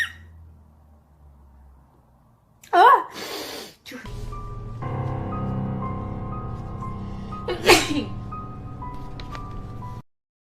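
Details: Female sneezing, tagged allergies and sinuses: a sharp intake of breath then a sneeze, another sneeze a few seconds later, over background music.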